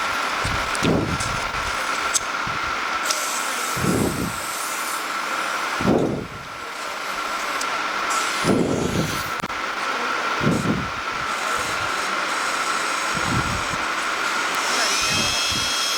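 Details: Steady high-pitched motor whine with intermittent low rushing bursts: surgical otologic burr drilling through the posterior tympanotomy into the middle ear after cortical mastoidectomy during cochlear implant surgery.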